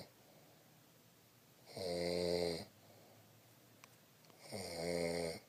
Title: snoring grandmother